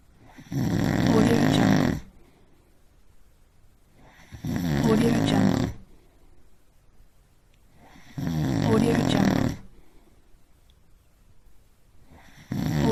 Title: Snoring compilation 98